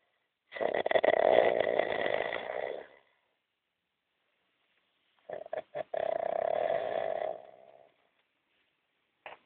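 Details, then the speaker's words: Sleeping person snoring heavily: loud, harsh, rattling snores, long and drawn out, separated by quiet pauses; snoring. "duyuyorum değil mi kardeş duyu nasıl horluyor acayip horluyor"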